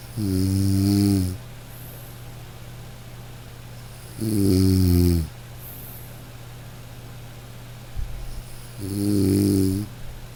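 Three long, rumbling snores on breathing in, about 14 a minute, evenly spaced, over a steady hum.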